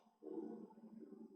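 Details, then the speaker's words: Adult apologizing that the stomach is growling loudly: a brief, low gurgling rumble, ordinary digestive growling (borborygmi). "I'm sorry, if you can hear my stomach growling, it's crazy. It just is going nuts over here."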